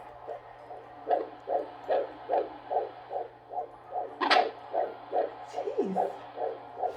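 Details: Rapid, regular whooshing beats, about 145 a minute, with a brief thump of fetal movement, heard on a doppler monitor during the first trimester of pregnancy: fetal heartbeat.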